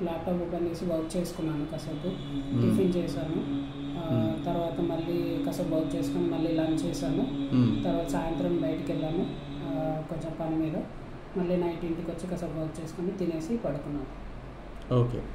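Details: Male client reading aloud after voice therapy for puberphonia, now with a normal male voice per the clinician; puberphonia, corrected after voice therapy.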